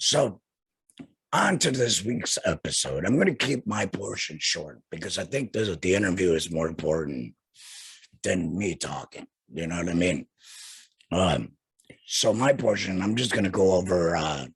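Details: Adult male who had a total laryngectomy in 2020 and has no natural voice; alaryngeal speech after total laryngectomy.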